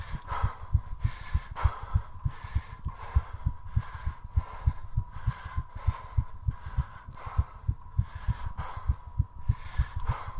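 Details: Heartbeat recorded during a 3.5-minute squat challenge: rapid regular thumping at about 200 beats a minute, rising continuously, under loud heavy breaths about 22 a minute; exercise-induced tachycardia.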